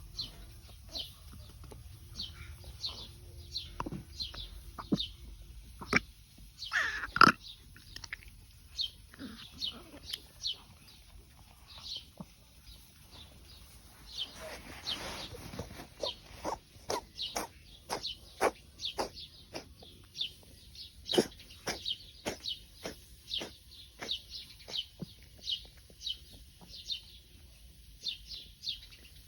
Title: Ragdoll cat vomiting and coughing